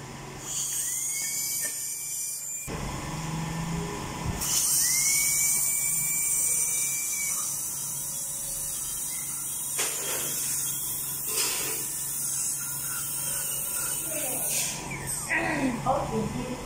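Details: Dental drill during an emergency dental appointment for a tooth filling: high-pitched whine rising and falling in spurts, with soft room noise.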